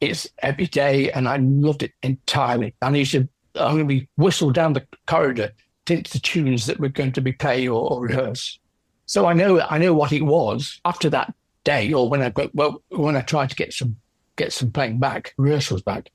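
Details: Adult man with aphasia after a stroke from a left middle cerebral artery blockage 10 years earlier; no speech at first, now improved with persisting word-finding difficulty.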